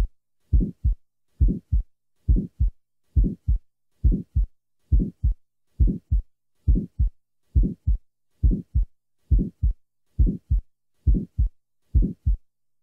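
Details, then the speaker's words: Small muscular VSD: regular rhythm about 68/min with an early systolic murmur starting at S1 and fading mid-systole as the defect seals. "listen next to the sounds taken from a 20 year old female with a small muscular vsd the recording was taken at the left lateral sternal border"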